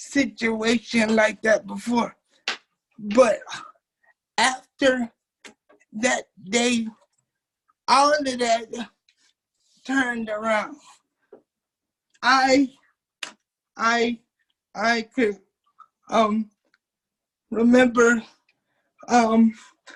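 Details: Dysarthric speech of a 27-year-old man with cerebral palsy since birth, a wheelchair user whose family was told by doctors he would never be able to talk.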